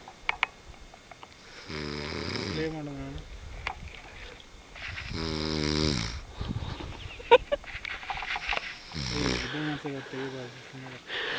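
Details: Loud, rough snoring with a rattling buzz on each inhalation, about three snores in eleven seconds.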